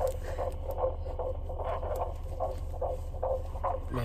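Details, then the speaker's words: Fetal heartbeat on 17-week triplet ultrasound, heard for the first time: rapid, even whooshing pulses at about 146 a minute over a steady low hum. "we got to hear our baby's heartbeats for the first time today i've never heard them oh my goodness"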